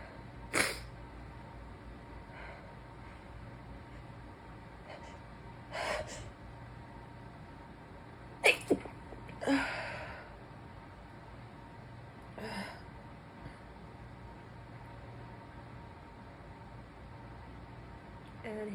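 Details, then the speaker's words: Adult sitting, cold-like reaction the person attributes to outdoor mold: several muffled, stifled hands-free sneezes with quick breaths between, over steady room hum; repeated stifled sneezing. "starfish definitely makes me sneeze more I guess it makes sense but these are hands-free I'm not going to pinch them off I don't think"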